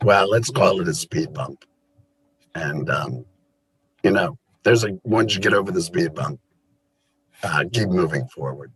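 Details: Alaryngeal speech from a person who had a total laryngectomy related to cancer; voice method not stated.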